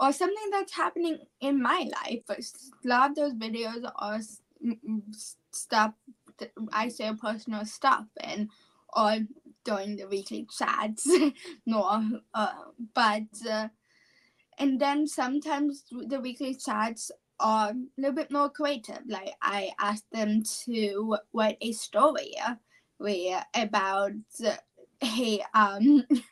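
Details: 17-year-old female high school senior with apraxia of speech, a neurological speech disorder; apraxia of speech.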